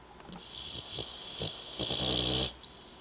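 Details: A comfortably sleeping boxer dog snoring: a rattling snore on the in-breath, then one long, loud, harsh snorting snore.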